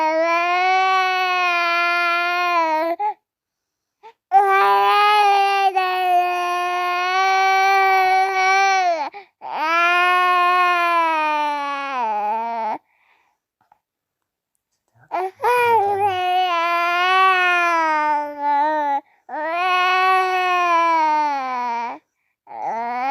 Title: Sound baby crying baby child sound effect 🍼